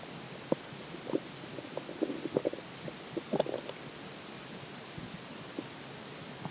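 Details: Stomach growling after drinking water: scattered soft gurgles and squeaky bubbling sounds over background hiss; borborygmi.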